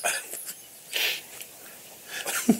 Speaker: Ooh, a sneeze and a cough. How'd that work out?